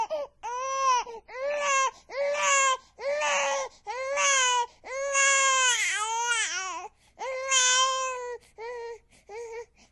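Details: Infant crying sound effect: repeated high-pitched wails with brief catches of breath between them; ordinary crying.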